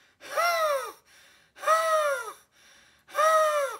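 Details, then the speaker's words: Imitated asthma expiratory wheeze by a nursing educator: three voiced, whistling outbreaths with falling pitch. "wheezing this is how I teach honestly in your life no one has ever done that for you"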